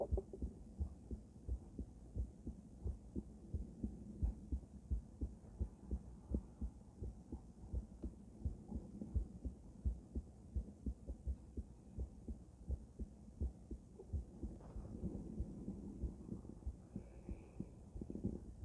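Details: Female heart auscultated with different stethoscopes at Erb's point, then mitral, tricuspid, aortic and pulmonic sites: regular lub-dub heartbeat at about 86 per minute over several chest sites; normal heart sounds.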